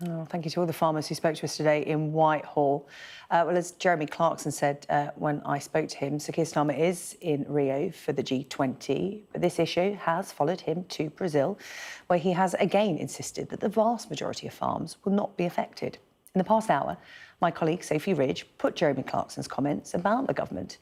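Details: Adult female news presenter; normal speech.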